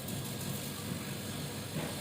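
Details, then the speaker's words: Home oxygen concentrator, nebulizer outlet, described as blowing very strong air: steady rushing airflow with a low motor rumble. "kalau yang ini buat Nebulizer gede banget nih anginnya gede sini ya"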